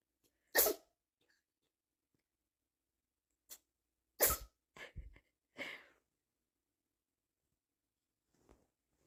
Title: Funny Animals Sneezing Compilation